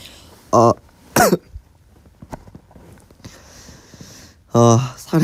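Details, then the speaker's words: Harsh, voiced coughs, two close together then two more after a pause, from choking on something that went down the wrong way; cough. "사례가 사례 들렸어."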